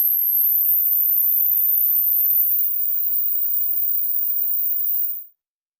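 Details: A steady, very high-pitched pure tone rising slightly, then cutting off: a high-frequency hearing test tone for checking ear age.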